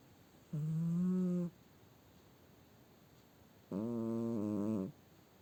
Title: My cat's human snore!